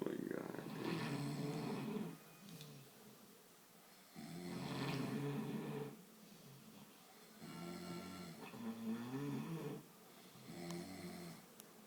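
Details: Snoring after a night of drinking: loud rattling snores, about 2 s long, repeating every 4 s or so, in a quiet room.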